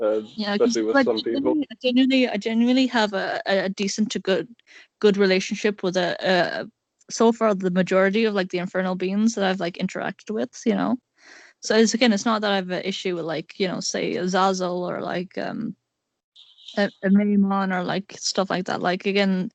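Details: Male speaker who describes himself as having an awful stutter, repeating words; stuttering.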